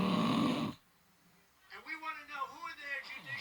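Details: Sleeping adult recorded snoring by their partner: one loud, rough snore, then a pause, with television speech in the background.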